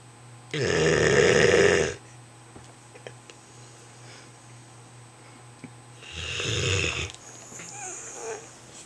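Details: Snoring in the dark: two loud, buzzing snoring breaths about five seconds apart in a quiet room.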